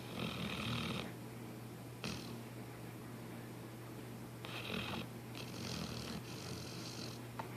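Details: Sleeping dog snoring with soft, raspy, snorting breaths in an irregular rhythm over a steady low background hum.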